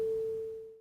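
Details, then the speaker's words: Tuning fork (256 or 512 Hz) struck on the elbow and held near the patient's ear or on the mastoid process, as in bedside hearing tests for unilateral hearing loss; a clear, steady pure tone slowly fading. "진동을 시킨 소리 급수를 환자의 기회 가까이 가져가서 소리가 들리지 물어보거나 귀두의 유학 놀기 뼈 야 되고 진동을 느끼는 지 알아 봅니다"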